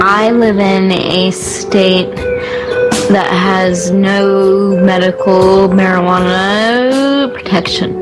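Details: Stuttering in a woman born with cerebral palsy; the stutter is described as really bad and related to her cerebral palsy, recorded before she smokes cannabis.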